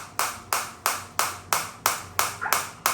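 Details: Focused (not radial) shockwave therapy device firing while intensity and frequency are adjusted: sharp, even clicks about three a second, roughly 180 a minute.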